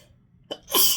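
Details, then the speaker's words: Sneezing into the hand on a rainy, stormy day after sneezing since waking, triggered by sniffing: a short inward catch of breath, then one sharp, hissing sneeze. "So I'm sneezing into my hand. And I always get this way when it's rainy and stormy out, which it is."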